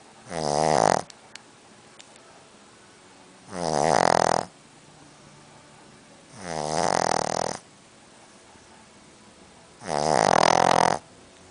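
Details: Snoring Boston Terrier: four loud rattling snores about every three seconds, near 20 breaths a minute, with quiet pauses between them; dog snoring.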